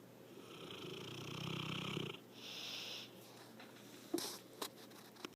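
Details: Loud snore on the in-breath with a softer noisy out-breath and a few faint clicks, getting louder as recording progresses: rough, rattling snoring.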